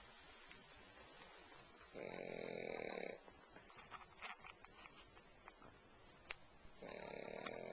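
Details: Pug snoring while asleep on a couch: two long, rattling, nasal snoring breaths about five seconds apart, with soft snuffling and clicks between them.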